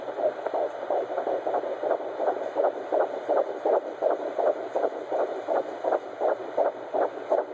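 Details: Fetal heartbeat at 13 weeks on Doppler: rapid, regular whooshing pulses about 160 a minute; the uploader thinks it sounds echoey.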